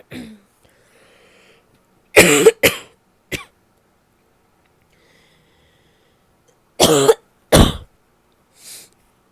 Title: messy sneezes, a stifle or two, nose blowing and some coughing at the end